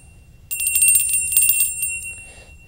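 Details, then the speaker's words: A small bell rings brightly for about a second and a half as a sound stimulus in a 5-day-old baby boy's neurologic exam; he alerts and looks almost toward the sound, a normal response. "alerts to that he actually looks almost towards the sound so it's a good response even responding to my voice again he perceives that sound he moves and that's good"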